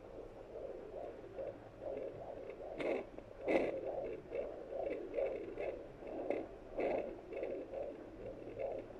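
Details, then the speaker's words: Home fetal Doppler, battery-powered, with gel on the belly while the baby is moving: rapid, regular whooshing fetal heartbeat about 135 beats a minute, normal fetal heart sounds. "how it works you basically just put some gel on your belly and then you hear your baby's heart"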